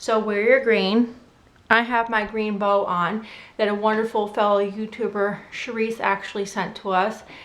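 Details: Adult woman; typical speech.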